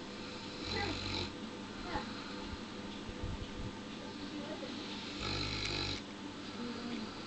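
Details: 71 kg Neapolitan Mastiff asleep on pillows: low, rumbling snores over two breaths against steady room noise; snoring.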